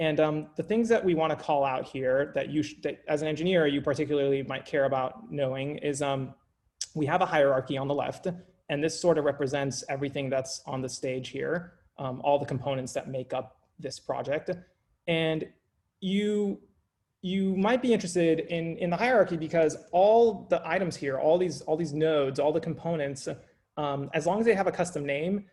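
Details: Adult male speaker; no disorder.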